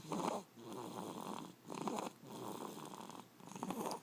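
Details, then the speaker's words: A baby boy asleep, snoring loudly in rough, rattling breath cycles of about 3 every 4 seconds, loud enough to drown out speech; a parent says he snores often and this is a particularly loud time. "all right we got to talk to select level sets so the stalking is about this loud okay just pretty good and you kind of can't hear us that well over him snoring"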